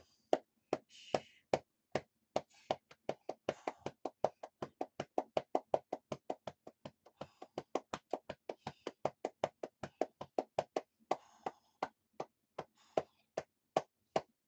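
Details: Steady hollow clapping on the chest at about 160 a minute with faint breathing between; lower-lobe chest percussion airway clearance in a cystic fibrosis patient who has been coughing up blood for 2–3 days.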